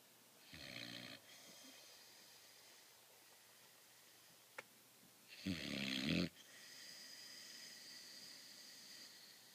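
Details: Female dog in deep sleep, a very loud snorer with buzz-saw snores; two rattling snores, each about a second long, with a quiet pause between; snoring.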